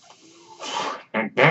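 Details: A quiet hiss swells into a soft rush of air, then two brief louder noisy bursts: the speaker's own mechanical ventilator delivering a breath.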